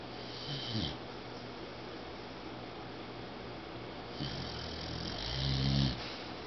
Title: My dog Lucy snores like an old man!!